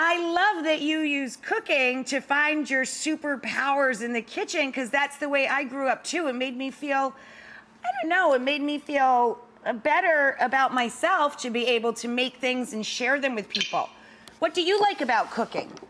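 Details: Adult woman speaking; Normal fluent speech.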